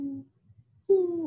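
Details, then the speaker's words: A lecture audio example of adventitious breath sounds: two brief musical, whistling tones with a pause between, described as wheezes that can occur on inspiration or expiration. "you have crackles ronka friction rub and wheezes the wheezes are those musical sounds"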